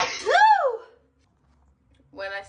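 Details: Girl with allergies counting her sneezes, saying she sneezes about 40 times in a row: a sharp sneeze with a rising then falling voiced burst, then a brief voiced sound after a pause.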